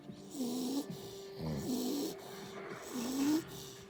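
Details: American bully dog or an adult man (possibly both) snoring: three rough, droning snores with a tonal flutter, about one every 1.5 seconds, over faint room noise.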